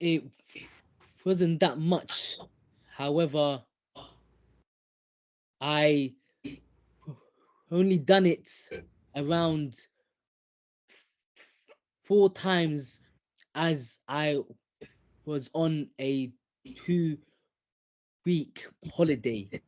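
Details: Stuttering in a 25-year-old man who called himself a very severe stutterer (90% of conversations, 80% of words); after six therapy sessions he reports being about 70% better, and the therapist says he stutters little now.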